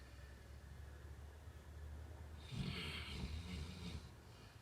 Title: Labrador snore